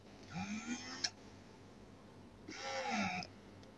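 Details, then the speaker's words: Mutter Gold Link hands-free electric breast pump in two-in-one mode, eight short sucks then one long suck; two whooshing, whirring suction cycles, each with a soft click at release. "di mter gold ada mode two in one juga Sama ya Jadi hisapan pendek hisapan panjang juga 8 kali hisapan pendek satu hisapan panjang ya"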